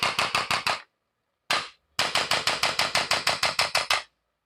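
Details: Chiropractic adjusting gun used on the knee of a patient with knee arthritis to correct alignment; rapid sharp mechanical clicks in runs, about three a second, with a brief pause.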